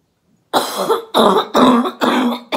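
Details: Orthopedic surgeon with COVID-19 doing a deliberate airway-clearance breathing exercise: four forceful, wet-edged coughs in quick succession to bring up phlegm; productive cough.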